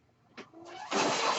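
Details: Mechanical ventilator sound from the speaker's own ventilator, heard while an adult born in the mid-1980s talks on a podcast: a brief mechanical click, then a rising, steady rushing hiss of air as a breath is delivered.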